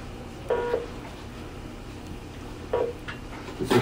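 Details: Two short, clear electronic beeps over quiet room noise from a Philips MRx cardiac monitor in a demonstration of its heart monitoring functions.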